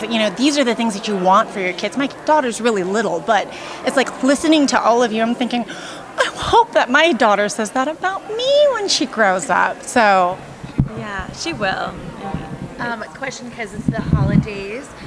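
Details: Adult woman speaking; no voice disorder.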